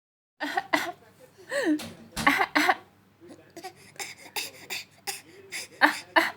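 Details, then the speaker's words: A child gives several short, deliberate fake coughs with laughter in between; a playful imitated cough, not an illness cough. "dedenin size selamı var. Bol bol öksürük numarası yapıyoruz."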